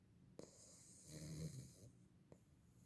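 One soft, low, fluttering snore on an in-breath from a sleeping puppy, with faint clicks before and after.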